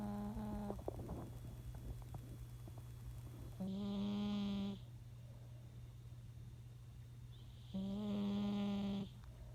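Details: Senior cat snoring: rhythmic tonal snores roughly every four seconds with a steady low room hum.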